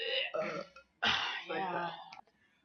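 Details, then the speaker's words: Woman after drinking a large amount of soda in a burping contest: two long, loud, voiced belches in a row with a brief pause between, bringing up swallowed gas: burping. "I felt better though after I burped all that out. I felt like I lost 10 pounds."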